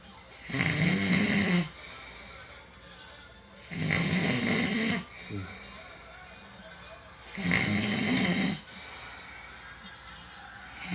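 Three loud, harsh, rattling snores at regular intervals, about 18 a minute, with quieter breathing between: very loud snoring.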